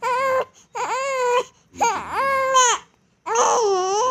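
Repeated loud, high-pitched wailing cries separated by brief pauses for breath; ordinary crying of a young infant.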